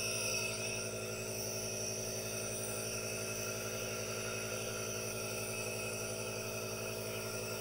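Steady mechanical hum with a constant hiss from a running nebulizer, no pauses or speech.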